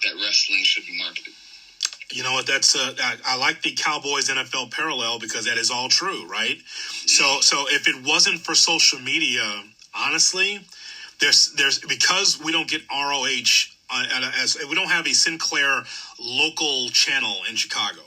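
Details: Adult male speaker; normal speech.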